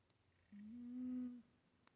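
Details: A single soft, low, humming breath sound about a second long in a quiet room: a sleeping cat snoring.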